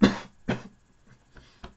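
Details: Adult, sick since Monday with a suspected virus and in two weeks' quarantine, with sleeplessness and itching: two short, fairly dry coughs close together, then faint breathy sounds in a quiet room; cough.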